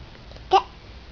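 A single short, abrupt hiccup in a quiet room.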